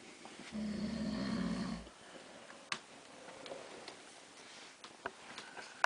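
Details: Husband asleep at night, recorded in the dark: a single rough, fluttering snore lasting over a second, followed by quiet room noise with faint clicks and rustles; snoring.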